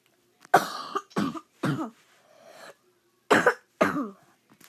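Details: Cough from a sick person during gameplay: five short, harsh, voiced coughs in two clusters with a faint breath between; a dry cough during illness.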